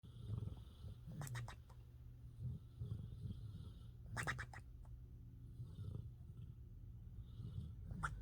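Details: Napping pet snoring: continuous low rumbling snore with flapping, fluttering lip bursts; loud sleep snoring.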